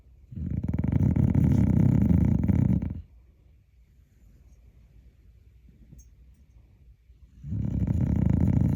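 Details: Deep, loud, rumbling snores, about three seconds each with pauses between, from a sleeping dog said to snore like a hog; heavy snoring.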